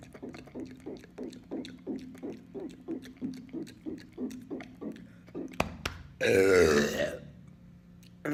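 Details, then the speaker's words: Repeated belching in a hotel: a quick run of short, low, croaking burps, about two a second, then one longer, louder burp. "what's up guys today I'm doing Hotel burping here's another one"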